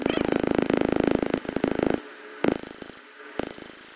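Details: Laser tattoo removal on a coloured tattoo with a new, powerful laser machine, a repeat treatment after an earlier removal elsewhere gave no result: rapid, steady clicking pulses at about 200 a minute in bursts with short pauses; faint room noise.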